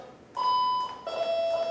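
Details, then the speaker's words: Two steady electronic tones, a higher then a lower beep. This is a desktop pulse oximeter's audible alarm, shown alongside a yellow visual alert, after the SpO2 upper alarm limit was changed from 100 to 95 in a demonstration. "let's make it for example yeah it's a 95 you can see the yellow part appears it's a visual alarm and sound along together"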